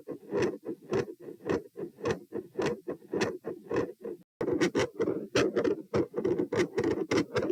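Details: Heart sounds recorded standing at position P, same subject in a comparison study: regular beat about 100 a minute, rough whooshing rather than crisp thuds; murmur varying from absent to all-encompassing continuous, no dominant pattern.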